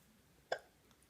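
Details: Young child hiccups while counting to ten: one short, sharp hiccup against a quiet room; a single hiccup.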